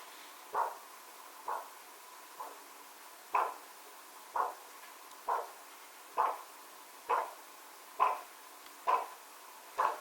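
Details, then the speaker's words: Doppler with ultrasound gel over a foot artery at the ankle, during a podiatry circulation check for diabetes: regular two-phase whooshing pulses, about 66 a minute; a biphasic arterial signal. "That's a biphasic sound, which means there's two sounds that we hear there."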